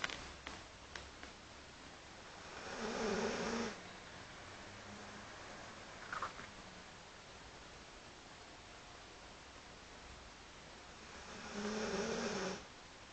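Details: A 13-year-old female hound dog, asleep on the floor cuddling a teddy bear, snores: two slow, soft rattling breaths about nine seconds apart over room hiss.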